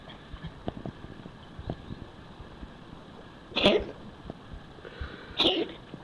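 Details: Male cat coughing hard and retching: two sharp, forceful bursts a couple of seconds apart.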